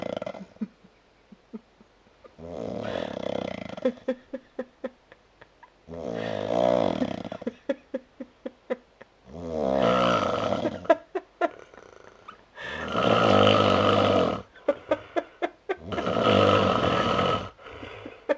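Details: Adult man snoring heavily after drinking alcohol: about five loud, rough rattling snores on inhalation, separated by quieter breathing with fluttery clicks.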